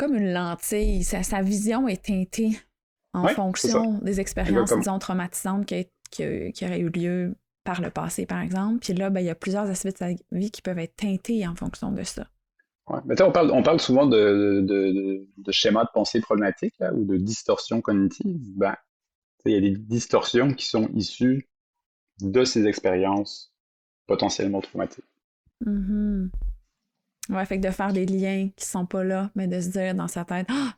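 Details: Adult who stutters, speaking French, real stuttering; reports still experiencing moments of dissociation while stuttering. Finding: stuttering.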